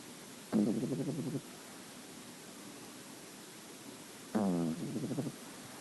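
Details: Nine-week-old female cream-white French Bulldog puppy snoring: two low, rattling, fluttering breaths about four seconds apart over steady background hiss.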